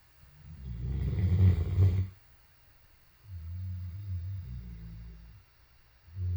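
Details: Sleeping Great Dane snoring: deep, rumbling snores with low fluttering on the in-breath, two breaths over about six seconds; snoring.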